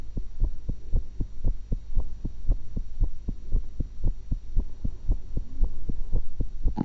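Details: Own heart recorded with a stethoscope while eating an apple and a cucumber: regular lub-dub at about 115 beats a minute with no added sounds over a steady low hum; normal heart sounds.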